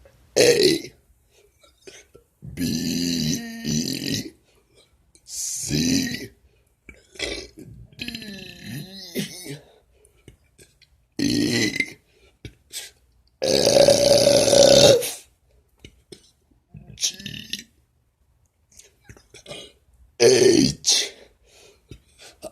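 A series of long, loud voiced burps with pauses between them, some shaped like spoken letters; deliberate belching.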